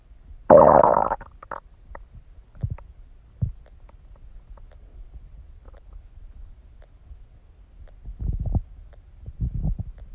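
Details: Stomach growling during digestion: a loud gurgling growl, then softer scattered gurgles and a later rumbling run; borborygmi.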